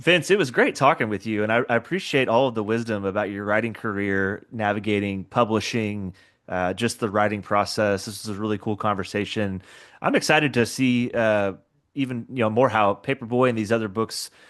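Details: Adult man speaking; normal speech.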